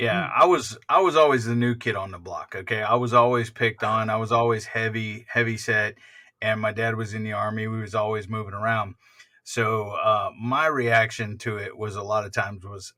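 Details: Adult man speaking; plain speech.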